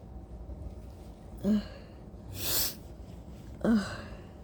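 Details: Sneezing about 10–15 minutes after waking from a nap, during worsening allergies attributed to the weather: two short sneeze bursts with a breathy exhale between them in a quiet room.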